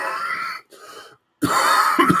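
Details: Adult with influenza A: a wheezy, strained breath, a brief pause, then harsh rough cough bursts as a coughing fit begins.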